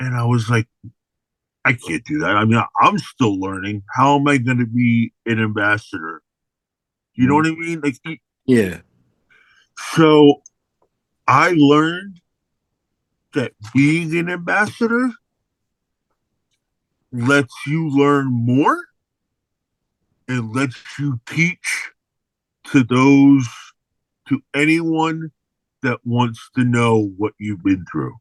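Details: Aphasia in an adult man following a stroke in May 2022, heard in spontaneous speech.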